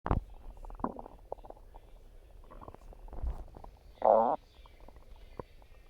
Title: Stomach Growling